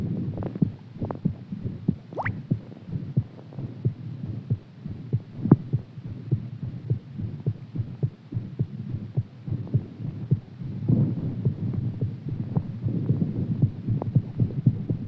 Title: HAERTBEAT AFTER EXERCISE